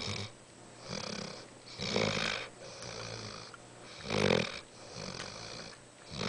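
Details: Saint Bernard puppy, just over 5 months old, snoring: repeated rough, rasping snores on each breath, about 28 a minute, some with a whistling edge.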